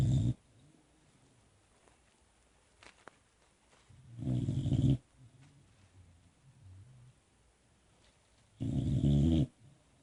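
Loud low rumbling snores recur about every four seconds between quiet breaths, typical of a sleeping puppy snoring.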